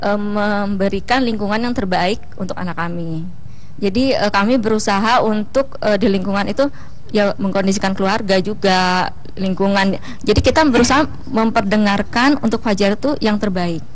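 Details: Adult woman speaking Indonesian; Normal speech.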